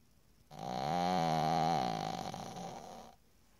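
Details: Pug snoring: one long, rattling, buzzy breath sound with a steady tone, typical of a flat-faced dog; snoring.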